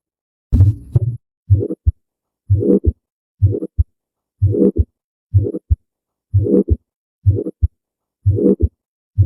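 Regular paired heart sounds, about 62 beats a minute, each beat with a short rough run before a sharp second sound.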